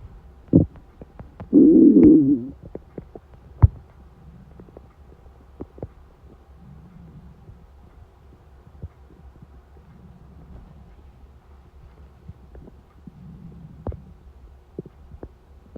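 Loud gurgling stomach rumbles, then quieter bubbling growls and scattered clicks against a low steady hum.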